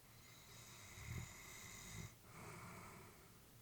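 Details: Elderly female Labrador sleeping while her family was worried about her: soft, low snoring breaths with two snorty inhalations over a faint steady room hum.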